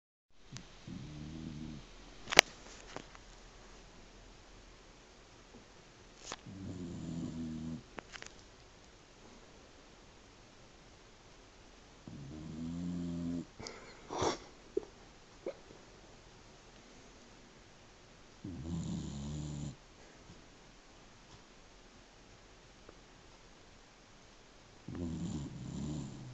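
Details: A sleeping pet named Toby snores in slow, regular rumbling bursts at about ten breaths a minute.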